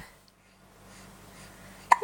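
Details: 2-week-old baby with hiccups just after a bath: near-silence, then a single short, sharp hiccup near the end, with faint room noise.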